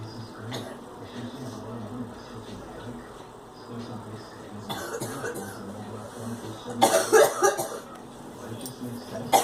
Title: Girl coughing